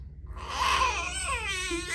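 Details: Infant boy (King) during his first chiropractic adjustment, pressure contact on top bone; baby starts crying after brief silence, rising then wavering wail under two seconds in small room; infant cry.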